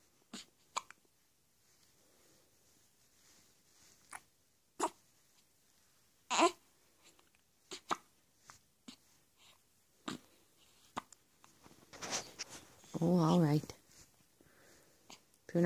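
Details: One-week-old infant hiccupping: repeated short, sharp gulping sounds at irregular intervals, with a brief fussy cry near the end.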